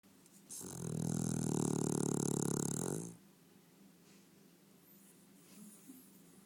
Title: Funny Snoring dog1